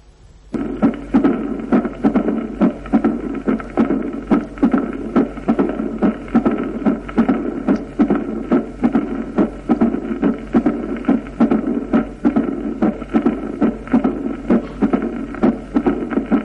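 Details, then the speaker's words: Mitral stenosis in sinus rhythm, heard best in left lateral decubitus, increases with exercise: low rumbling diastolic murmur about 71 a minute swelling presystolically and ending with a sharp first sound; presystolic accentuation. "Si el ritmo es sinusal, la turbulencia a través de la mitral es mayor y el soplo se prolonga en presístole y termina con el primer ruido."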